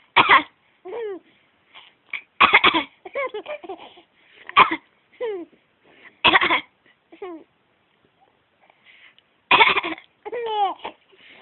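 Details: Child coughing playfully: about five sharp, separate coughs, each followed by high, playful vocal sounds like laughter.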